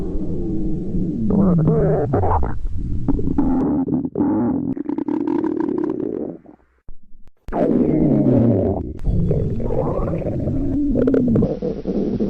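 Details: Staged scene of a girl trapped in an elevator at the limit of hunger: long, loud, low gurgling and growling that slides in pitch, with a short pause; hunger stomach growling (borborygmi).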